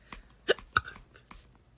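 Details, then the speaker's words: Girl with recurrent hiccups, fourth bout today, which her doctor attributed to an oddly developed diaphragm and expected to stop after puberty; several abrupt, short voiced hiccups in quick succession with sharp breath catches; hiccups. "you know this is the fourth time I've had hiccups today and I'm crying about it because it's not that fun"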